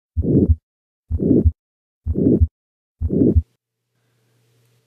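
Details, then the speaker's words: 80-year-old man with recurrent syncope: aortic stenosis, a harsh systolic crescendo-decrescendo murmur filling the gap after each first sound, regular rate near 63 a minute, best heard with the diaphragm at the second right intercostal space. "let's go through the same set of questions as the last case so first What's the timing systolic now what's the shape Crescendo de Crescendo"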